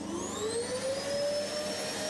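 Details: Dental saliva ejector (suction, "aspirateur") running during wisdom tooth extraction after numbing; steady rushing, hissing suction with a whistle slowly rising in pitch.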